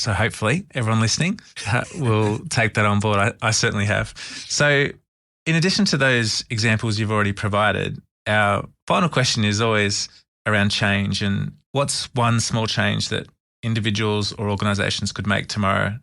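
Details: Adult man speaking; normal speech.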